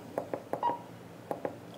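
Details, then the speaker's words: Edan M3A vital signs monitor in demo mode, SpO2 pulse volume turned up: short, evenly spaced beeps, one per detected pulse, pitch rising and falling with oxygen saturation. "spo2 setup um pulse volume I have turned down to zero if we turn that up obviously you can hear it"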